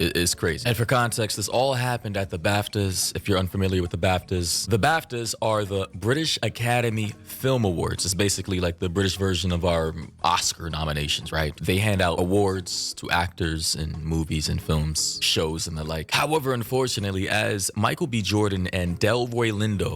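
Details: Adult male speaker; typical speech.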